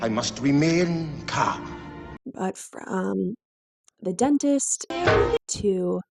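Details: Woman with moderately severe adductor spasmodic dysphonia beginning at age 16-17, with vocal cord spasms especially on vowels, voice breaks, raspy quality and difficulty projecting: adductor spasmodic dysphonia.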